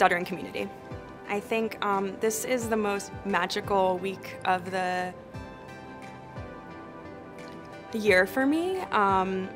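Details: Adult woman who stutters, with interjections ('um'); stuttering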